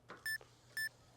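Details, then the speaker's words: Two short high electronic beeps from a Polar heart rate monitor and watch worn by a woman climbing stairs in a demonstration; alarm signals heart rate outside her target exercise zone. "you can hear that the alarm is ringing that means that she is not doing her exercise in the zone that she is supposed to"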